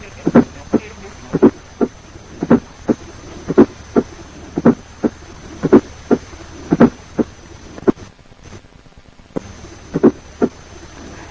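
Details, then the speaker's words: Fourth heart sound from atrial systole: low-pitched, 50–110 ms before S1, varies with respiration, best heard with bell lightly at the apex. "Appearing just before the first heart sound is the fourth heart sound, produced by atrial systole. It is a low-pitched sound, so best heard with the bell of the stethoscope kept lightly at the apex."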